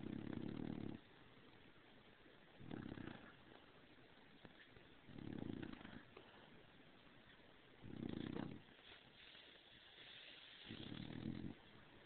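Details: Sleeping bulldog snoring after getting overheated sleeping under the covers, described as slightly louder than a cat purring: five low rattling snores in 12 seconds, about 25 breaths a minute, with quiet pauses.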